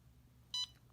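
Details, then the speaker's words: CADD Prizm PCA infusion pump demonstration, running mode: single short high electronic beep as the dose button is pressed and held to request a patient-controlled demand dose. "anytime you want to give yourself a dose you will press the dose button and hold it down and it will give you a dose"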